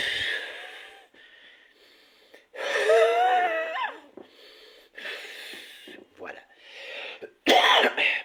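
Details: Forced expiration against a closed glottis followed by cough, an airway clearance technique using accelerated expiratory flow at varied lung volumes, during physiotherapy for cystic fibrosis.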